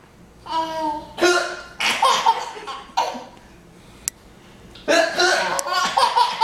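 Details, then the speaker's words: A baby boy laughs with short, abrupt catches in his breath between bursts of laughter, as he has the hiccups: hiccups. "He's laughing because he's got the hiccups too."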